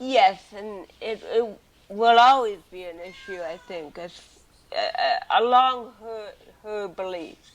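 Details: Adult woman born with cerebral palsy, also hearing impaired and wearing hearing aids, speaking in a 2013 interview; dysarthric speech in cerebral palsy.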